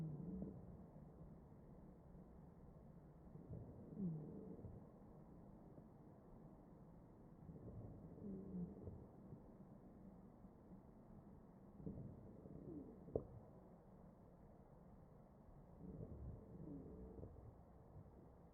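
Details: Chest auscultation in a real mechanically ventilated patient: ventilated breaths about 15 a minute carrying musical wheezes, indicating narrowed airways; wheezing.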